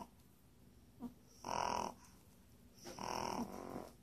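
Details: Puppy snoring: two rattling, nasal snoring breaths over a few seconds from a sleeping puppy.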